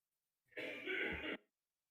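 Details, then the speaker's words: A single harsh, throaty adult cough or throat-clear under a second long, heard in the background of a live stream where a speaker also has an ongoing cough; a cough. "well that doesn't sound good that cough sounds like mine you can hear aj coughing in the background"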